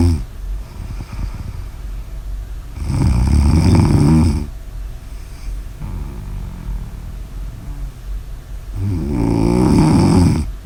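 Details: Snoring during sleep: two loud, rattling, low-pitched snores, each about 1.5 seconds, on breaths roughly six seconds apart.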